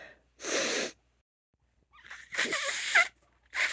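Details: Woman with allergies sneezing: two forceful sneezes, the second with a rising inhaled build-up, then the start of a third; allergy sneezing.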